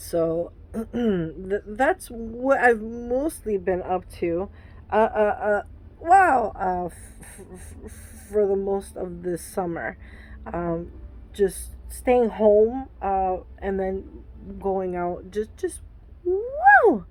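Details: Adult woman with Tourette syndrome whose tics flare when she records herself; vocal tics such as "wow" and "uh" interrupt her speech.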